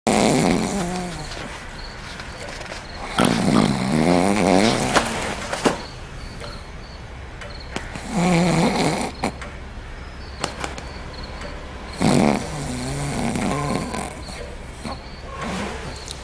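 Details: Simulated snoring acted for a comedy scene of a couple in bed: repeated rough, rattling snores about every four seconds, with faint background noise.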